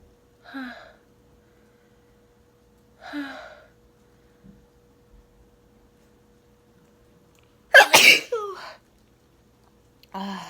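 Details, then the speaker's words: An induced sneeze: two soft breathy 'ah' intakes build up to one sharp, forceful sneeze with a short voiced tail, a single normal sneeze. "I want to sneeze for you so bad. It tickles."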